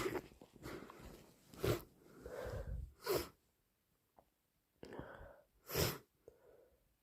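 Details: Animal that is still sick with an ongoing respiratory illness, morning recording: several sharp, explosive sneezes between softer breathy blows and snorts.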